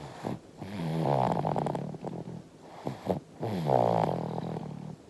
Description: 5-month-old baby is snoring, and drinking milk in the dream.